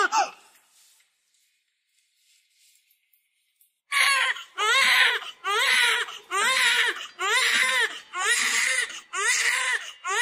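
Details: Newborn girl, 3600 g, delivered by C-section at 8:43: strong, rhythmic crying in repeated bursts about one a second after a few seconds of near silence; a vigorous cry after birth.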